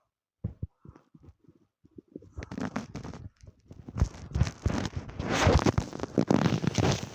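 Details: Own stomach growling, audio only: scattered soft pops building into a loud, prolonged gurgling rumble; borborygmi from gas and fluid moving through the gut.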